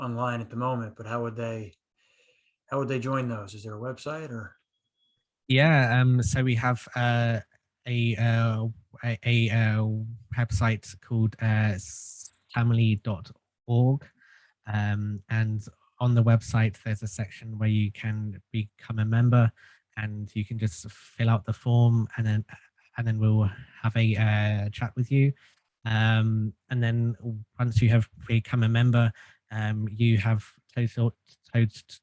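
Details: Stuttering in an adult man who has stuttered since childhood and had group speech therapy.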